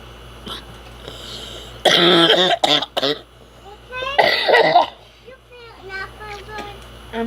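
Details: Adult gives a few loud, harsh coughs and throat clears, with quiet speech and room noise around; cough.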